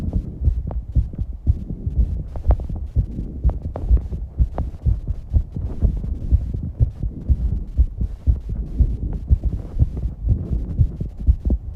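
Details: 19-year-old female after exercise, with heavy breathing and some breath-holding: rapid, steady low heartbeat thumping with breathing noise behind it; fast heartbeat after exercise.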